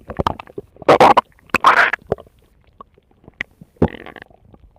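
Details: Stomach rumbling: loud gurgling and bubbling bursts, then softer trailing rumbles from gas and fluid moving through the gut.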